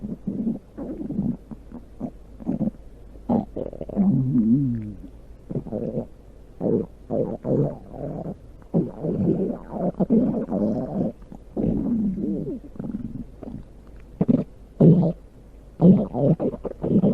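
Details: Stomach growling (borborygmi): long bursts of low gurgling, rumbling and squeaky bubbling from the belly.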